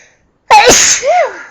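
One loud sneeze: a sharp explosive burst with a hissing release and a trailing voiced sound.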